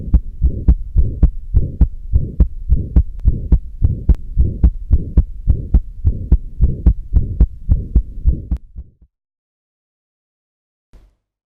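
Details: Atrial septal defect: pulmonary ejection systolic murmur with wide split second heart sound.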